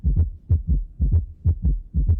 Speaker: se va acelerando el corazón pero bueno esto es algo muy breve que creo que presentarles porque nos damos cuenta como afectamos con nuestras emociones no filtradas el corazón